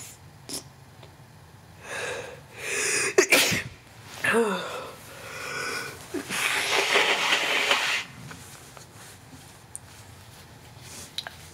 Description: Me sneezing a few times.